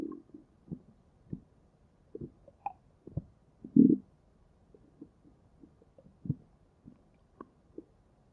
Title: stomach growling 3